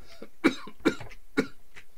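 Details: Three loud, harsh coughs in quick succession from an adult coughing heavily, in a quiet indoor room.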